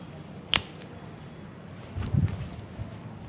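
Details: Single sharp crack (joint cavitation) then a dull thud and shuffling during a chiropractic spinal adjustment for lumbar lordosis in a patient with a lower back problem.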